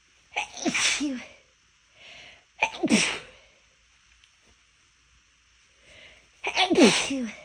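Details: Three sneezes, each preceded by a faint held-back intake, bursting out despite deliberate attempts to stifle them.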